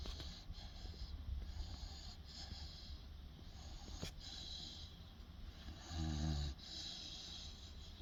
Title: Cage, 16 week old Boerboel snoring with eyes open?